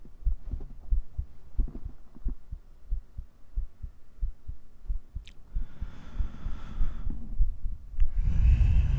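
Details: ASMR roleplay heartbeat recorded with a 3Dio binaural mic as the audio mellows toward sleep: soft steady low thumps, roughly 50 pairs a minute, rustling near the end; normal heartbeat.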